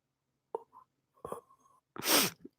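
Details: Sneeze from a self-described sick person with an affected voice: two short inward catches of breath, then one loud, explosive, hissing sneeze with a brief vocal tail.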